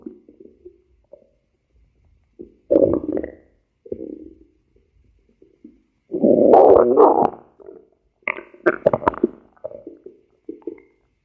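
Gurgling, bubbling stomach growls in irregular bursts, some long and rolling, with quiet gaps between; ordinary digestive bowel sounds.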